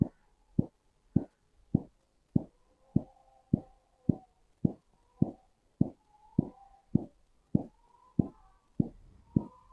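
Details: Korotkoff sounds during manual blood pressure measurement with a sphygmomanometer and stethoscope: regular sharp tapping beats about 100 a minute as cuff pressure falls.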